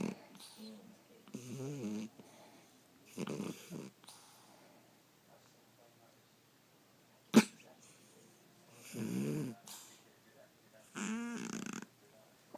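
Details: 13-year-old female cat asleep in a cat sleeping bag, wearing clothes: loud, rhythmic, throaty, vibrating snoring breaths about every two seconds, with one sharp knock between; snoring.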